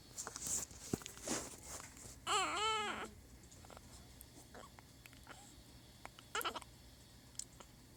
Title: Cute Preemie Baby Making Noises in NICU 27 days old